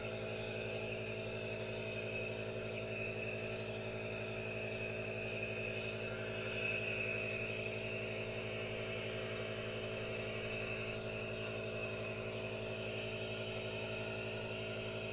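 Steady, unbroken hiss with a faint mechanical hum, the continuous noise of an aerosol nebulizer running.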